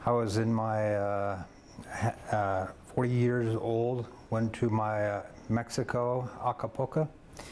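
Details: Male doctor with global aphasia, affecting both speaking and understanding, after a stroke at about age 40 while water skiing; years of speech, physical and occupational therapy; aphasia.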